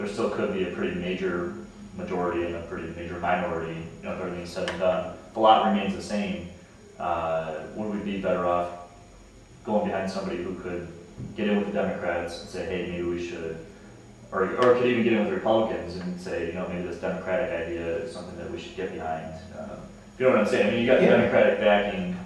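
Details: Adult man speaking; normal conversational speech.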